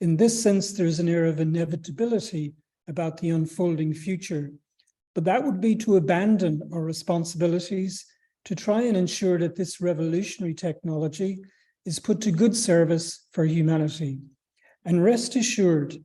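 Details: Adult speaker; normal speech.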